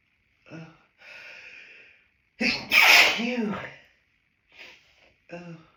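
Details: Adult with hay fever, nose intensely tickling on a sunny day, recorded in a toilet cubicle after stifling sneezes; sharp in-breaths then one forceful sneeze and small after-sounds, end of a sneezing fit.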